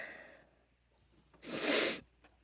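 A brief catch of breath, then one forceful, hissing sneeze burst and a short sniff afterward; an ordinary sneeze.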